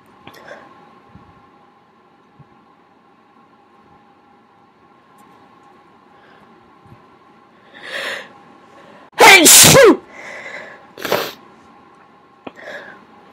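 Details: Sneezing person indoors with a dog nearby; sharp breath in, one loud explosive sneeze, then softer breaths and a small trailing burst over a faint hum.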